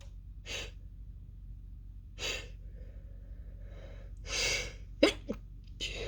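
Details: A female in a sneezing fit: a run of muffled, almost fully held-back sneezes with sharp inhalations between them, then a louder, explosive sneeze at the end.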